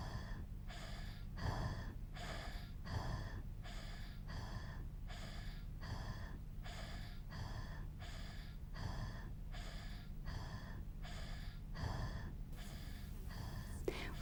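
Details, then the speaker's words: Simulated training case of a 15-month-old girl, 6 kg, temperature 37 °C, brought for diarrhoea and assessed for cough or difficult breathing: rapid noisy breathing at about 70 a minute with a harsh high-pitched inspiratory sound over a low hum, i.e. inspiratory stridor. "assess jenny for strider look and listen now"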